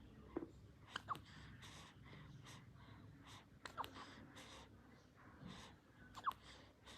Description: Baby huiccup after drink milk.